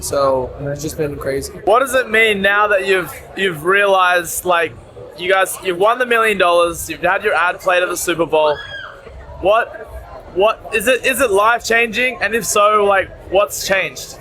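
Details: Adult speaker; normal voice.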